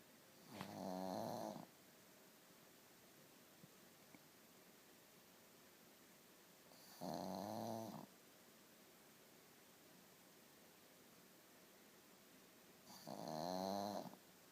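Three short, fluttering snores about six seconds apart, roughly 10 breaths a minute, with quiet between them. Plain snoring.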